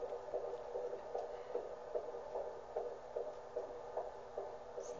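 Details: Doppler fetal heartbeat, rapid, regular whooshing at 148 a minute, normal fetal heart tones; fundal height 21 cm, growth on target.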